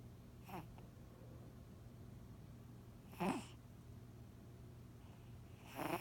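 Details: Sleeping cat snoring: short, irregular snorting snores roughly every two to three seconds against a steady low hum in a small room.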